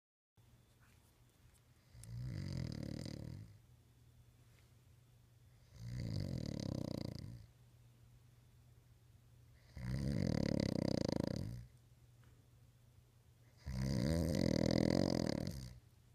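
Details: A person sleeping and snoring, recorded to prove they snore: four loud, rumbling snores about every four seconds, roughly 15 breaths a minute, with quiet pauses between; snoring.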